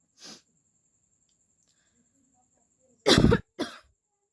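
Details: Coughing-challenge recording by someone who says they have a cold during hot weather and are now really coughing: a faint breath, then two loud harsh coughs in quick succession.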